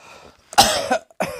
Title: Cross Dressing Coughing 52